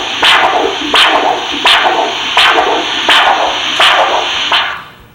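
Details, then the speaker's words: Handheld Doppler arterial signal in peripheral arterial disease assessment: regular whooshing pulses about 85 a minute, each with three distinct components, a triphasic waveform indicating enough blood flow. "you can actually distinctively listen to the three distinct waveform with three components for each pulse for each signal so they we call it sort of triphasic waveform and indicating there's enough blood flow"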